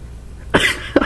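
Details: Sleeping French bulldog puppy that won't wake up: a single short, harsh cough-like burst followed by a brief second huff, consistent with a cough or throat clearing.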